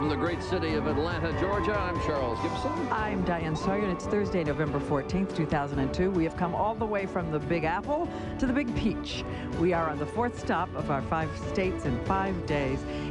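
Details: Adult man, broadcast host; typical speech.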